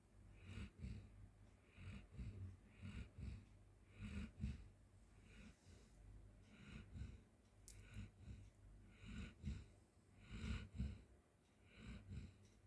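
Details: Golden Retriever sleeping on floor snoring: soft, irregular snuffling breaths with low rumbling and snorting noises, about 20 breaths a minute.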